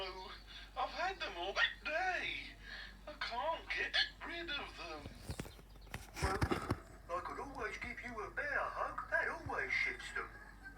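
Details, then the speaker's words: Acted hiccups in a cartoon dog character (Kipper): speech interrupted by a few short, abrupt catches. "I think you've got hiccups, Kipper."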